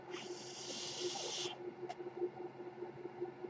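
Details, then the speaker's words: A soft rushing hiss of air lasting about a second and a half, then a faint click over a steady low hum, from a podcaster's mechanical ventilator delivering a breath. "that noise you're hearing is my ventilator."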